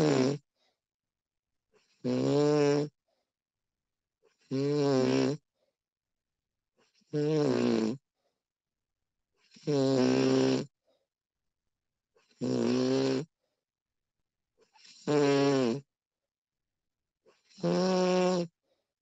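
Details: Recording of a woman snoring: steady, regular, loud rattling buzzing snores about every two and a half seconds, roughly 24 per minute; typical adult snoring.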